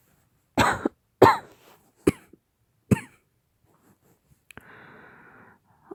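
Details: Cough from an adult woman in a role-play acting out a severe lingering post-COVID cough: four sharp, forceful coughs, then a soft rustle.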